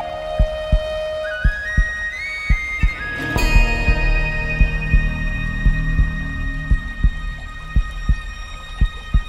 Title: EPIC MUSIC HOPEFUL WAITING, Calm Epic Music, Heartbeat Sound